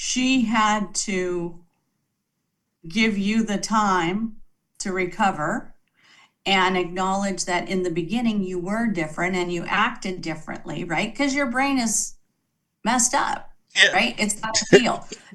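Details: Adult woman speaking; ordinary speech.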